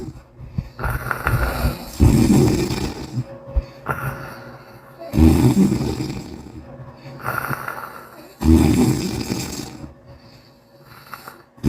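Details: An Asian (Korean) girl asleep, snoring loudly.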